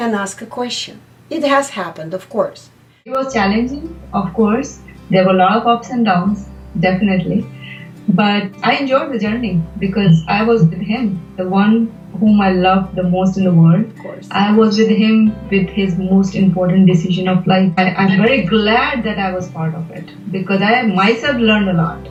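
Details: Adult woman speaking; typical speech.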